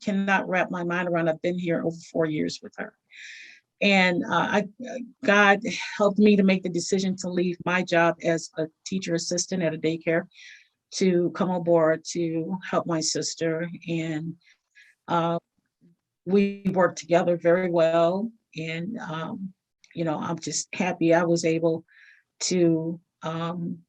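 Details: Adult woman speaking; normal speech.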